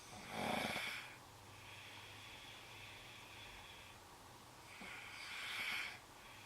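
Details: Snoring, recorded Sept 3, 2010, with concern about the breathing: two breathy, hissing snores with a quieter rasping breath between them, room hum in background.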